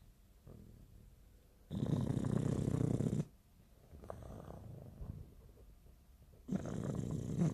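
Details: English bulldog makes loud, low, rattling snores on two breaths in, with quieter breathing out between: ordinary snoring.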